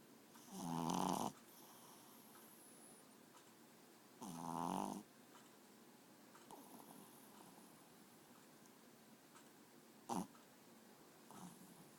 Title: Snoring boy